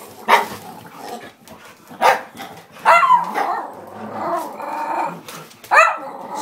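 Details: A dog named Alex gives about four short, harsh, bark-like coughing bursts over several seconds: dog cough.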